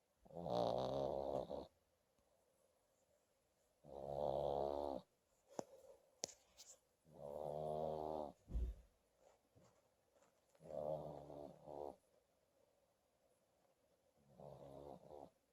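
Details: Sleeping dog snoring in steady rumbling bursts, about 20 a minute, with quiet pauses between.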